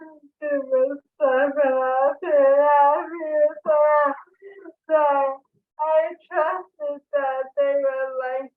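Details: Dysarthria in a woman with ALS diagnosed in 2014, with real slurred, hard-to-understand speech.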